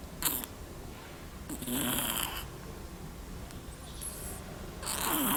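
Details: Small black cat snoring: raspy, hissing breath noises recur every couple of seconds against room noise.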